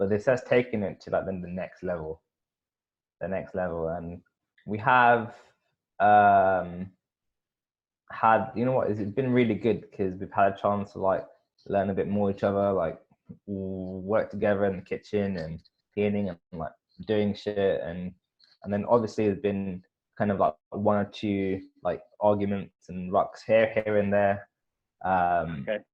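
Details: Adult man who stutters, hosting a podcast run by people who stutter; stuttering.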